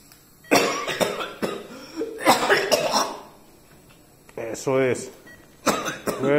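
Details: Patient in pulmonary therapy with high-temperature oxygen/hot vapour, told to take deep breaths: several forceful coughs on instruction, separated by short breaths in a small room; voluntary cough to clear the airways.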